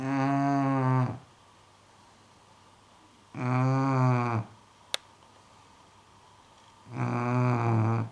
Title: LOULOU - FUNNY SNORING DOG BULLDOG ENGLISH